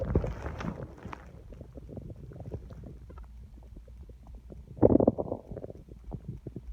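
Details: Loud stomach growling from an emptying stomach, felt rumbling under the hand: low, bubbling gurgles and rumbles with a louder burst near the end; normal bowel sounds (borborygmi).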